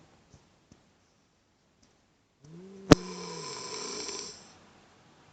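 A single drawn-out, rattling snore of about two seconds, with a sharp snort at its start, in a quiet room.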